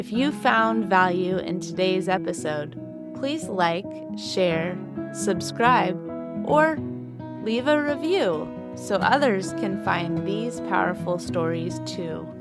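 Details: Adult woman; normal speech.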